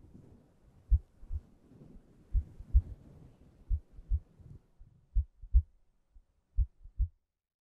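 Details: Deep paired thumps of a regular normal heartbeat repeating slowly at about 50 beats a minute over a soft low hiss, from an ASMR relaxation and sleep heartbeat recording.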